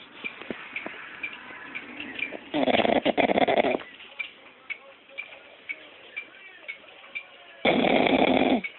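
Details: Sleeping puppy snoring: loud rattling snores on in-breaths with quieter snuffling and clicking breaths between them.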